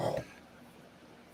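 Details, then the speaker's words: Single brief, low, grunting snort from a resting female dog lying beside the microphone, then near silence; dog snoring. "the dog the dog's laying right here she snores like that in my early videos you can hear her snoring"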